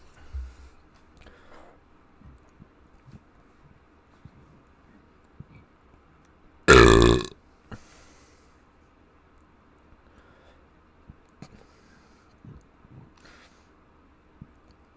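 A single loud, low, rumbling belch in an otherwise quiet room, with faint small sounds around it; an ordinary burp.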